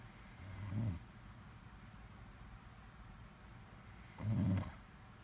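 Two low, rumbling snores about three and a half seconds apart during sleep, with quiet breathing between.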